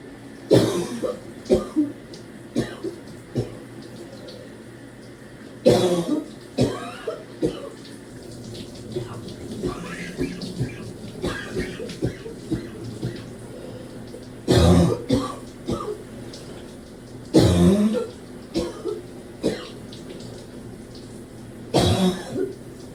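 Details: Deep, harsh barking coughs in repeated bouts with a wet, productive quality in the shower, trying to clear phlegm, at times severe enough to double over; running water behind.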